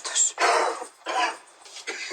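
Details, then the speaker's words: Adult man gives a short run of harsh, rough smoker's coughs in an acted TV drama scene while being told he must quit smoking; simulated. "luego que tienes que dejar de fumar eh Un día te va a dar un ukelele es verdad tienes razón"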